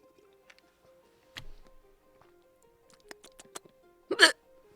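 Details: Hiccups in an adult that had lasted about 1.5 hours and hurt, recorded while trying remedies such as hugging the knees to the chest.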